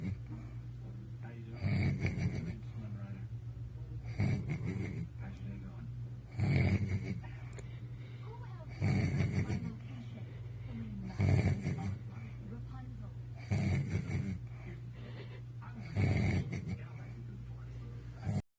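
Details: Man passed out asleep after a night of drinking: loud, rattling snores at about 26 breaths a minute, each a rough noisy inward breath, over a steady low room hum; snoring.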